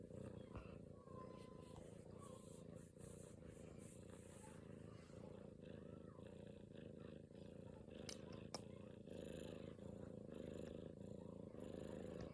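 Steady rumbling purr from a cat, broken briefly by a sharp cough-like burst before purring carries on.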